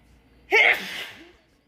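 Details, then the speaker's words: Woman with a sudden allergy attack and sore throat: a single sharp, breathy sneeze with a short voiced onset, then fading breath noise. "Yo creo que es porque cuando estornudo jalo mucho la garganta, no sé. Y me fui a hacer el examen de la vista y también empecé a estornudar como loca."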